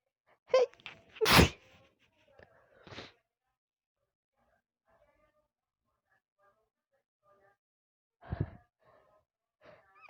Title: sneeze attack out of nowhere